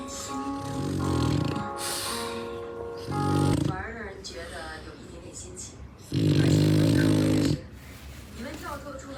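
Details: Three loud, rough, low-pitched snores about three seconds apart from a sleeping bulldog, with background music: snoring.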